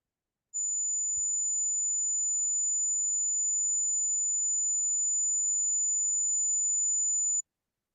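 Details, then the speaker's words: Simulated tinnitus: a steady, high-pitched ringing tone lasting about seven seconds, example of tinnitus without hearing loss such as may follow loud music exposure. "Okay, so you might have heard that noise. That is an example of what tinnitus can be. You might have heard that after you've been exposed to loud music or any other loud sound source."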